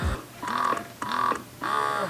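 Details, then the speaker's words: Carer Health wearable breast pump in expression mode; three rhythmic pump cycles about every 0.6 s, each a rising mechanical whine with a squeak-like tone, audible in a quiet room: breast pump expression mode. "so just to let you guys know and also this also has a stimulation and an expression mode so this is expression mode"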